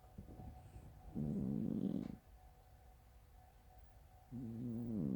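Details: A sleeping cat gives two low, buzzing, fluttery snores separated by a quiet pause, rough and rumbling like passing wind: snoring.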